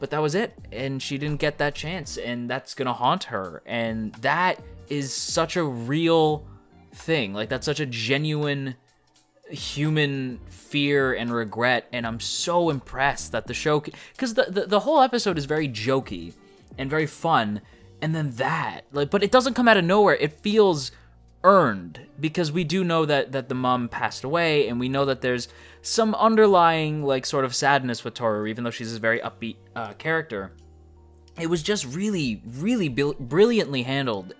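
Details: Adult male who self-reports stuttering; sound and word repetitions heard throughout the clip, consistent with stuttering.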